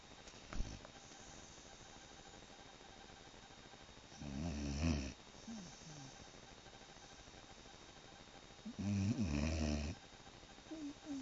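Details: 8-month-old asleep, snoring loudly: rumbling snores on inhalation with long quiet gaps, about 14 per minute, over a steady background hiss.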